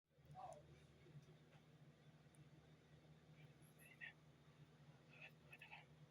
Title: bingo stomach growling